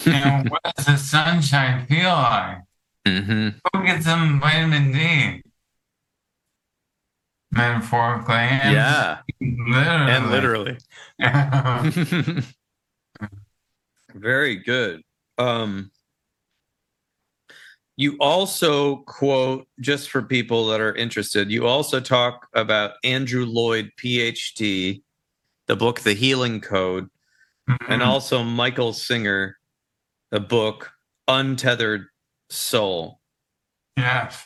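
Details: Adult man with ALS affecting his vocal cords, which makes talking for long periods difficult: dysarthria (ALS).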